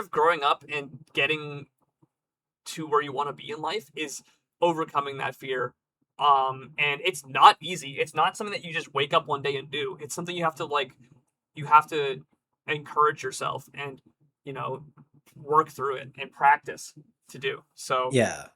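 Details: Adult speaker, conversational; normal speech.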